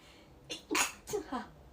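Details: Sneeze set off by a nasal swab during a self-administered COVID-19 test: a short, sharp, breathy burst in two parts with a quieter follow-on, in a quiet room.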